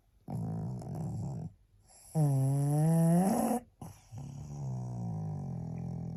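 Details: Tired pug resting, barely able to hold her head up: long vibrating snoring breaths, one rising into a high whistling tone, followed by a rougher snore; snoring.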